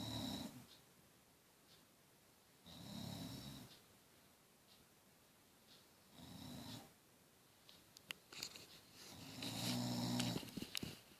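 Slow, regular snoring breaths, each lasting about a second, separated by quiet pauses. Snoring.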